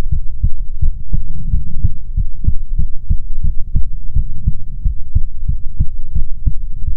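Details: ASMR heartbeat recording: steady, regular lub-dub heartbeat at about 85 beats a minute over a low hum.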